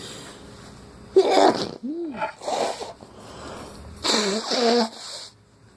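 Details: Morning sneezes in a person whose nose started running on waking: a few short explosive sneezes with a squeaky breath between them in a quiet room; sneezing.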